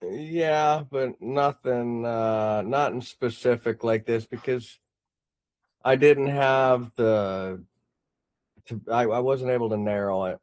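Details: Adult male speaker, phone call; no disorder.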